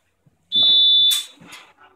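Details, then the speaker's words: Single sustained high-pitched tone of about half a second from a PC 903 neonatal/paediatric ventilator in an SIMV-style mode with pressure support, after two consecutive cycles without a patient breath, in a demonstration: ventilator apnea alarm. "कंसेक्युटिवली for to cycles if the patient dozen breathe the machine will give य an alarm off patient in anyway"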